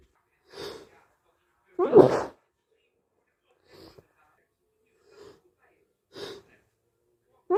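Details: Sneezing with a cold: about six muffled, wet sneezes of varying force, one loud and powerful, spaced a second or so apart.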